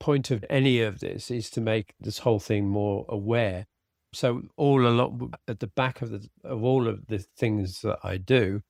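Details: Man with aphasia after a sudden stroke, treated with speech and language therapy; aphasia.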